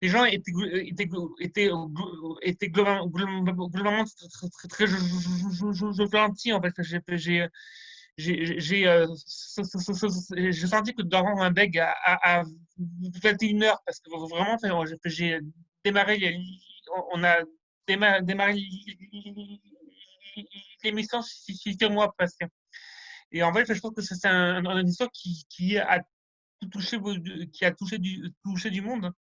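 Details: Stuttering in a male speaker rehearsing a semi-final speech, with sound and word repetitions that he handles without losing contact with the audience.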